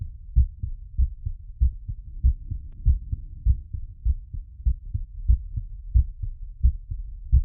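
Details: Heart auscultation during post-exercise recovery: clear, regular lub-dub heart sounds at about 100 beats a minute, a normal fast rhythm after exercise.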